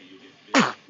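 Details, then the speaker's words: A small child gives a single sudden, forceful sneeze in a quiet room, called a big one, and it fades within a fraction of a second; sneeze. "Bless you. That was a big one. That was a big one, sweetie."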